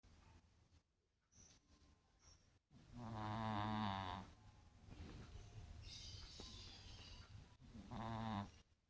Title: my cat snoring #cat #catlovers